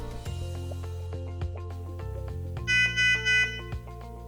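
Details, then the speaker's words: Nonin 7500 tabletop pulse oximeter sensor-off alarm, sounding because the sensor is detached from the patient: three loud, bright alarm beeps over background music. "El sonido de la alarma se debe a que el sensor está suelto. En este caso, se debe conectar al paciente, de manera de que arroje una lectura."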